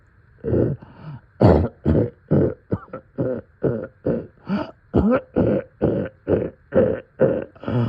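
Steady run of about eighteen deep, low, throaty coughs; a congested night-time chest cough in a child.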